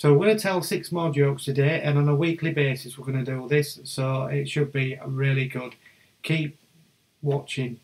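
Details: Adult male speaker; Normal speech.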